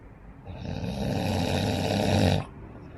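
One long, loud, rough rattling breath lasting about two seconds, rising toward its end: a snore.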